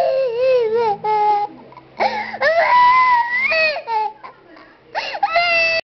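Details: 2-year-old girl crying: loud, wavering wails broken by short whimpers and catches of breath.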